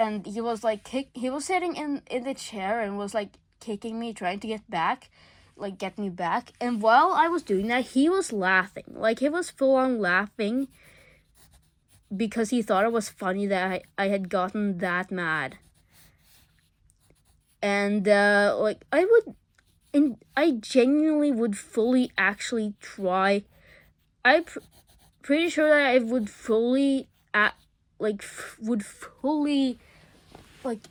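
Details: Male speaker who says he stutters a lot; stuttering.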